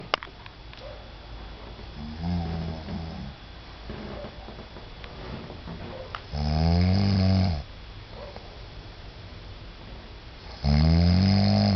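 Loud, low rattling snores on inward breaths, a few seconds each, with quiet breathing between; ordinary snoring.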